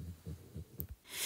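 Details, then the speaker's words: Soft, rhythmic, low snuffling snores from a sleeping puppy sitting on the owner's lap, with a click and the hiss of room noise. "I'm sorry if you can hear my dog snoring in the background she's sat on my knee while I'm speaking"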